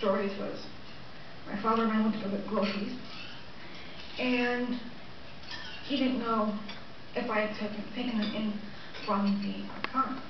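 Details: Aphasia with word-finding pauses in a 23-year-old woman one year and one month after a massive left-hemisphere stroke affecting speech and understanding areas, also with right lower-quadrant vision loss; word recall still somewhat impaired.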